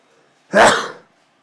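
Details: A single loud, explosive sneeze with a sudden burst and quick fade.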